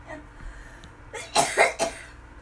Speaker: So I have to go because I'm starting to cough.